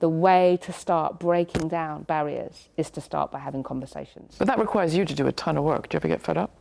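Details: Two adult speakers in conversation; ordinary speech.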